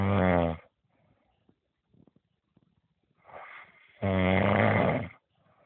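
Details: Loud snoring, recorded around 20:42 after a full day of work; two loud rumbling snores with a quieter breath between and soft clicks in the pauses: heavy snoring.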